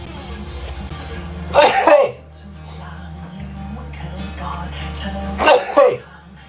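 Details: Young male idol sneezing during a live stream, described as allergic: two sharp, explosive sneezes, each with a quick breath in first, over steady background music.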